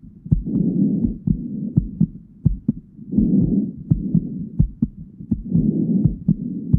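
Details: Heartbeat and breathing heard together: steady paired heart sounds at about 85 a minute with soft breaths in and out roughly every three seconds.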